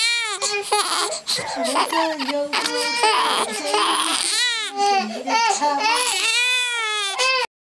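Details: Loud, sustained, high-pitched wailing cries with brief catch breaths; ordinary infant crying.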